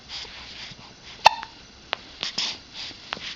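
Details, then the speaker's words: Infant girl, 4 weeks old, with a bad case of hiccups: sharp, abrupt little gulping clicks about every second, with soft breathing and faint fussing between them. "She's got a bit of the hiccups today."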